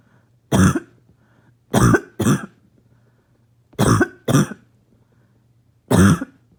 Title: Barking Cough #3